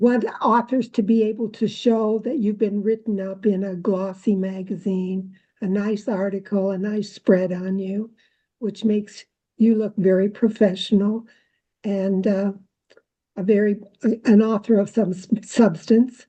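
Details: Adult woman speaking; normal speech.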